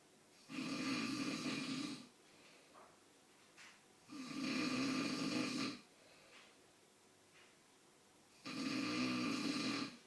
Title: Dad snoring